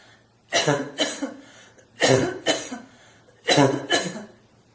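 Three pairs of harsh, loud coughs from an adult, each pair a quick double bark; a deliberately forced barking cough.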